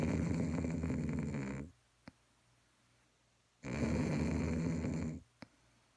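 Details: Snoring: two long, loud rattling snores on inhalation separated by quiet pauses, each followed by a faint click.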